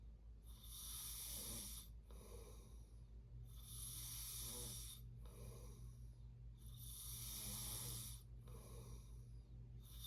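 Rhythmic rasping snores on each breath, about 12 breaths a minute, over a steady low room hum; noisy breathing during sleep.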